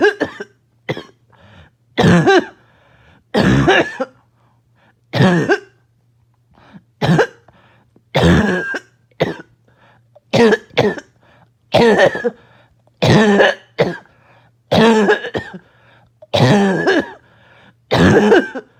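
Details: Adult choking barking cough set off by an itchy nose and throat: about a dozen harsh, barking coughs in under twenty seconds, some with gagging.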